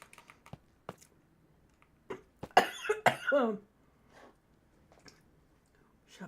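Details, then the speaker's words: Adult coughing while eating, likening the cough to a seal: soft clicking eating sounds, then about four harsh, partly voiced cough bursts with a barking edge. "Sorry. I sound like a seal when I cough."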